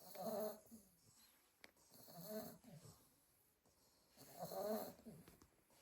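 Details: Litter of 8 sleeping Staffordshire bull terrier puppies: slow, rhythmic snoring with soft rattly noise on each breath, about three breaths in six seconds, from one unidentified snorer; snoring.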